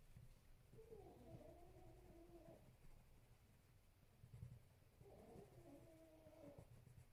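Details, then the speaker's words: Soft, faintly whistling snores from a sleeping dog in the background of a quiet room, two breaths about four seconds apart; snoring. "Don't know whether you can hear my dog snoring in the background, it's so sweet."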